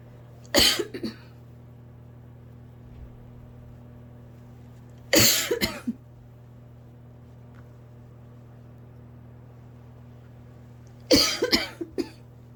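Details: Adult with asthma who, for the last few nights, coughs nonstop as soon as they lie down to sleep: three short bouts of dry, harsh coughing a few seconds apart, a nocturnal asthma cough.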